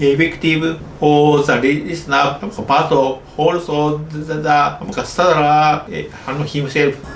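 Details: Adult male medical doctor in Japan with developmental stuttering (childhood-onset fluency disorder), speaking English.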